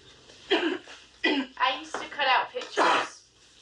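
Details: Acted film scene: an adult woman gives a run of about five short, harsh coughs.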